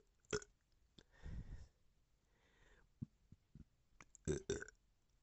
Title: bloated burping #belching #gassy #burp